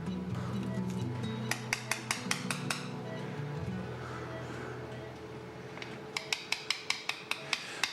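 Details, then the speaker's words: Bursts of sharp, rapid metallic taps over background music: a mallet and chisel-like awl poking tiny holes in bone just below the knee during microfracture surgery for a cartilage defect, causing marrow bleeding. "using what amounts to a hammer and chisel Dr Stedman will poke tiny holes in the bone just below Rob's knee causing it to bleed"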